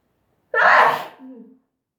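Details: Sneeze induced by dust: a single sharp sneeze with a short voiced tail afterward.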